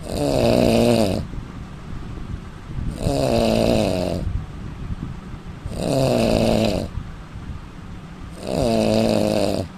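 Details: Snoring from an Indian man: loud, rough snores on every in-breath, about four in ten seconds, with regular quieter out-breaths; ordinary heavy snoring.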